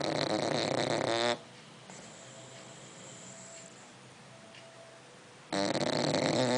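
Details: Loud, harsh, rattling snores separated by a quiet pause of about four seconds; snoring.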